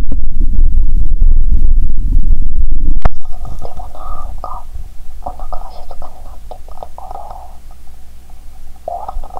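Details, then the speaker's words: Stomach growling heard through a stethoscope while hungry, with a loud low rumble then short gurgles and squeaky tones; active bowel sounds. "Nhân tiện, bạn có thể nghe thấy tiếng dạ dày réo thú vị từ bây giờ. Khi tôi bắt đầu uống cola, bụng tôi kêu ầm ĩ 😂"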